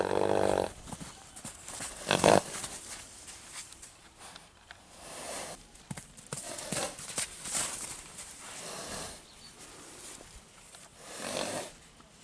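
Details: Several breathy, fluttering snorts through the nostrils, a normal equine snort, from a 3-year-old bay purebred Arabian filly born 2018, filmed on returning from the paddock.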